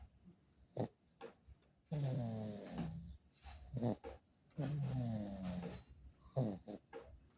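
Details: Irregular snoring: two long, low, rattling, groan-like breaths with snorts and rustling between.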